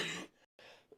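A brief harsh throat-clearing cough burst, then a quieter rough exhalation after a short silence; congested throat clearing.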